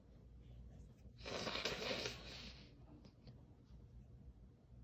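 One short, hissing burst of air, damped and muffled as if through cloth, against quiet room noise; a sneeze stifled into a towel.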